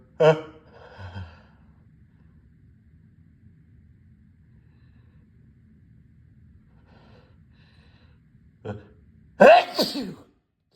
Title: loud wet sneezes